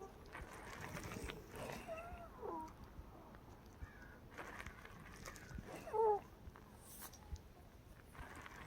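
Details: Overnight breathing with brief high, musical whistling on some breaths: wheezing starting around 6 AM, about 4–5 hours after her last breathing treatment (arformoterol and Pulmicort at 1 AM); several episodes recorded overnight.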